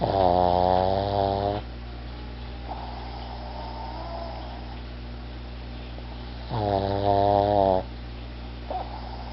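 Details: An overweight pet pug asleep on the couch, snoring away: snoring.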